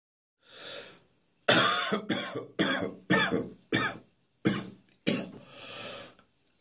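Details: Adult with a throat infection: an in-breath, then a run of seven sharp, harsh coughs ending in a gasping inhale, a coughing fit.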